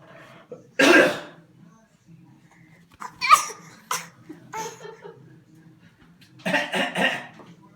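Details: Dog Henry gives several harsh forceful coughing bursts, some in quick runs of two or three, against quiet room hum: canine cough.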